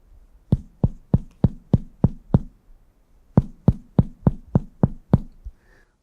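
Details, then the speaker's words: Percussion over the stomach region of a lying patient during a physical exam: a hollow, air-filled tympanic note, like tapping an air pocket, contrasting with liver dullness. "quando a gente for percutir a região do estômago nós vamos perceber então o som mais de ar puro Como se eu tivesse percutindo uma bolsa de ar"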